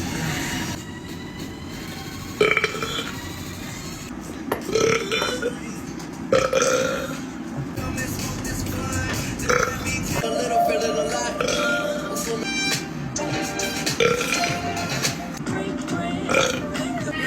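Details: A shirtless man gives several loud, drawn-out belches over background music and some talk: burping.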